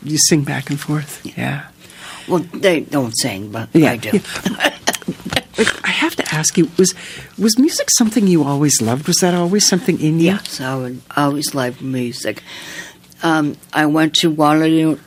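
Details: Two adults in interview conversation; conversational speech.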